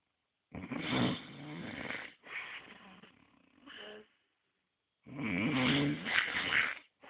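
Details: Snoring from a sleeping creature mistaken for a stray dog: loud, rough, rattling, fluttering snores in long breath-length bursts with quiet gaps between breaths.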